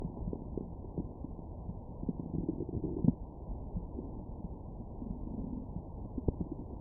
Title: Last Stomach Growls of 2020